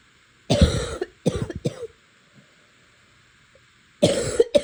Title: September Coughing 2